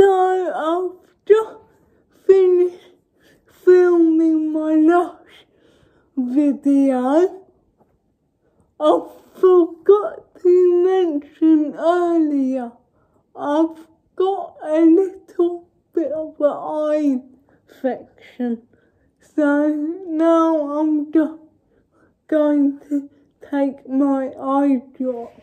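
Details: Female vlogger with cerebral palsy speaking in her daily-life vlog, with speech hard to follow; dysarthria due to cerebral palsy.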